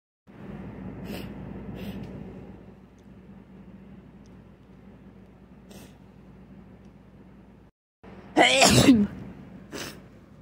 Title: Can't stop sneezing.